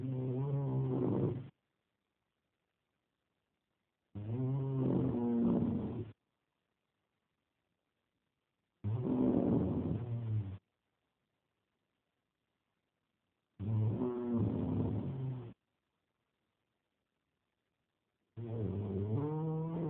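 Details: Snoring from a sleeping man: deep, rattling snores lasting about two seconds each, with near silence between, about 13 a minute.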